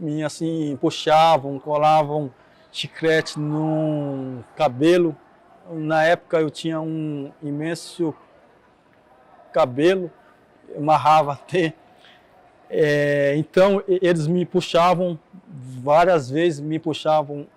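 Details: Person who stutters, Portuguese speech; stuttering.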